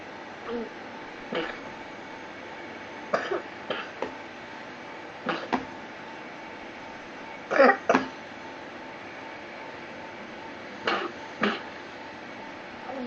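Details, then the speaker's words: A child who has been coughing is nebulized again: about ten short, dry coughs, singly and in pairs, over a steady nebulizer hiss; the child also has a clubfoot. "is being nebulized again. has been coughing."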